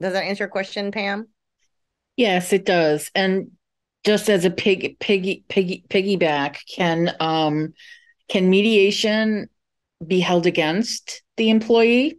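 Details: Adult moderator asking a question in English during a session for people who stutter; part-word and whole-word repetitions are audible; stuttering.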